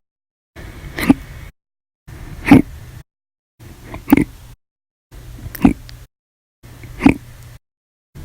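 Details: Audio-only recording of repeated hiccups (described as violent, loud, silent, minute), six sharp abrupt short bursts of noise, about 40 per minute.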